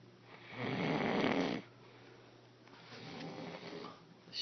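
A long, loud rattling snore on the in-breath, then a quieter breath out. Ordinary snoring.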